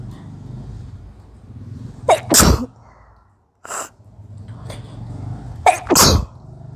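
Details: A woman's sneezes brought on by sniffing pungent garam masala during a sneezing challenge: two forceful sneezes, each a sharp in-breath then an explosive burst.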